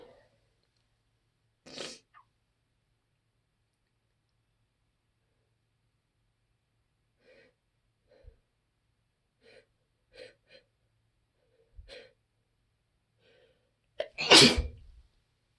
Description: the trees outside my window are really driving my nose crazy today. my eyes were watering, nose was so itchy and these sneezes were so teasing lol